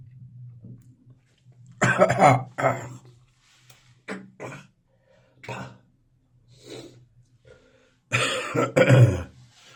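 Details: An adult gives harsh, wet coughs and throat clearing with hawking and spitting in the morning, consistent with a productive cough bringing up phlegm.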